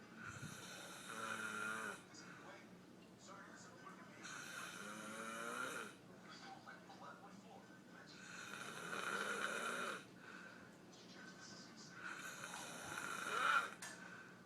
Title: Daddy snoring